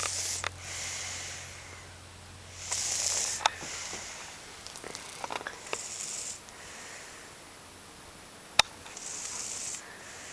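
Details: A 5-year-old girl asleep after a long school day makes soft, hissing, noisy breaths about every 1.5 seconds with a few sharp clicks; light snoring or snorting.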